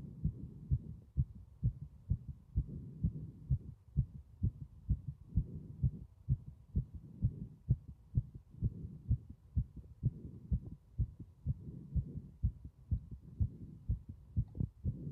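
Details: Heartbeat with strong sounds throughout: steady, regular, clear low thumps; loud but normal heart sounds.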